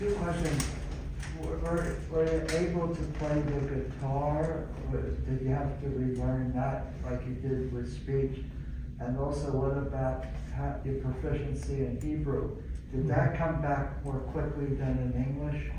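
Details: Adult male speaker; normal speech.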